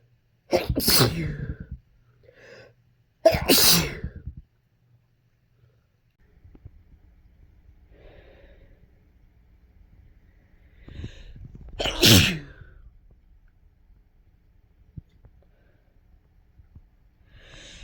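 Three sharp, explosive sneezes separated by quiet pauses, with faint breaths between; ordinary sneezing.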